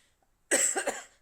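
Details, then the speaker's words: A single harsh, wet cough from an adult chemotherapy patient with pneumonia (possible pneumocystis), shortness of breath, poor oxygen saturation and bloody phlegm: productive cough. "full of phlegm and was coughing up bloody phlegm and just yeah anyway"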